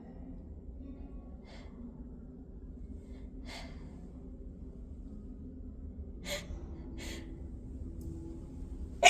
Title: Hitchy induced sneezes